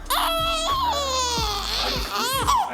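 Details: 2-week-old baby girl at her first chiropractic adjustment, with reflux and torticollis discussed: loud, high-pitched crying in sustained wails with brief breaks, in a small room. Infant cry.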